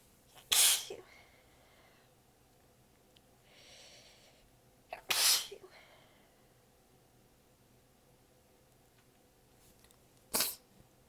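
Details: Adult sneezing fit, exhausted with sore abs, partly holding sneezes back, one with nose pinched: three sneezes several seconds apart with tired breathing between them.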